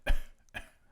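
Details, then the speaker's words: Person imitating a dog's mild kennel cough: a few short, dry, hacking bursts, described as sounding like the dog is choking on a stick. "it's a hacking sound but but but actually beyond a hacking sound it is a hacking sound but it's also described as it sounds like my dog is choking on a stick"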